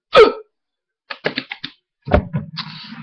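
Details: Man with very loud hiccups that are worsening despite breath-holding and swallowing. A loud, abrupt hiccup followed by quieter clicky throat sounds and a brief voiced noise.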